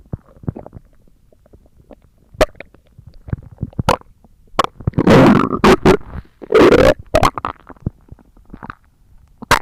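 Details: Stomach growling (borborygmi) recorded for ASMR: irregular gurgles and bubbling rumbles with sharp squelchy bursts.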